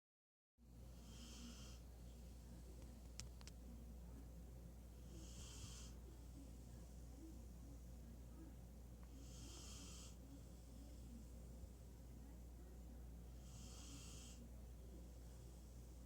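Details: Bernese Mountain Dog puppy (female) sleeping on her back in a fluffy bed, giving soft, rhythmic snores roughly every four seconds over a steady low room hum; snoring.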